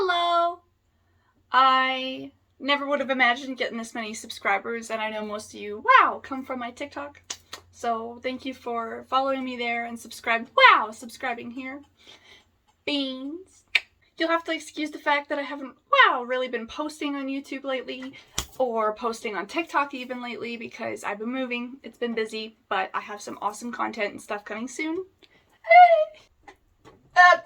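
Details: Vocal tics of Tourette syndrome in an adult woman diagnosed by a neurologist at a movement disorder clinic; tics include full words, coprolalia and physical tics, and became more severe in adulthood around age 24.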